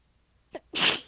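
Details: A brief catch of breath, then one forceful, hissing sneeze within a massive, tired sneezing fit; the person was exhausted with sore abs and partly biting sneezes back. Sneeze.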